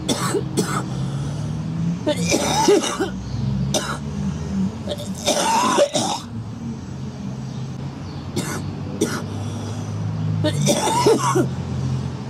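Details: A girl coughing: three clusters of harsh coughing bursts over about twelve seconds, with a steady low vehicle-like hum in the background; she then says her lungs sound horrible.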